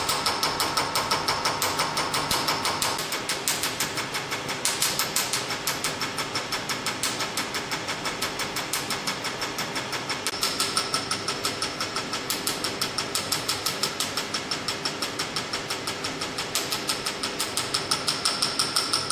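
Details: Q-switched Nd:YAG laser fired by foot pedal during a training demonstration of a carbon peel on the face, red aiming light on: rapid, regular sharp snapping pulses, about three per second; laser firing.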